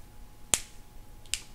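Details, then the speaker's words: Two sharp crisp pops about a second apart in a quiet room: finger joint cavitation by a habitual self-adjusting adult during a chiropractic session, a harmless joint crack. "I feel like this elbow can crack I got you a little bit you crack that finger a lot the middle one yeah I can crack my fingers like four different ways"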